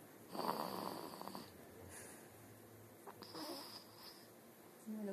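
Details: Rough, fluttering snores with breaths about three seconds apart in a small room; ordinary snoring during sleep, roughly twenty breaths a minute.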